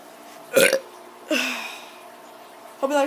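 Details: Child producing a few short, voluntary, voiced burp-like sounds with brief vocal noises between them; burping.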